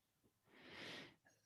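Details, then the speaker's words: A dog loudly snoring while riding in a car: a single loud, hissing, rasping breath over quiet car noise. "Can you hear McKenna snoring? Yeah. Mm-hmm. This is crazy how loudly she's snoring."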